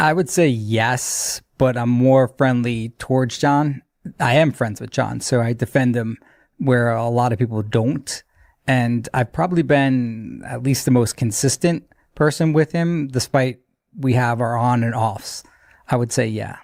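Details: Adult man speaking; Normal speech.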